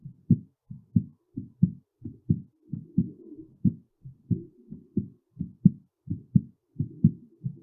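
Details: Heartbeat during and after physical exertion: quick, steady low thumps at about 90 beats a minute with faint rustle between beats, normal exertional speeding.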